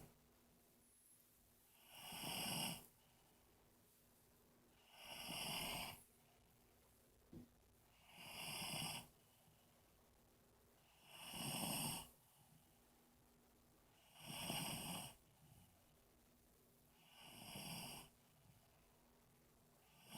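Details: Overweight man passed out drunk, snoring: regular loud harsh rasping in-breath snores, six in twenty seconds (about 20 breaths a minute), with quiet pauses between.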